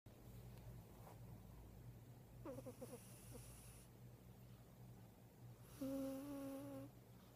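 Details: Snoring heard from a bedmate: a faint fluttering breath, then one louder, tonal, whistling snore over a low room hum.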